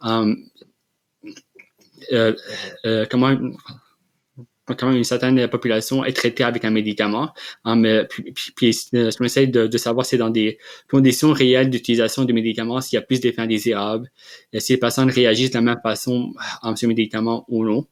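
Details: Adult man, real, who has stuttered since childhood and received speech therapy interventions; stuttering.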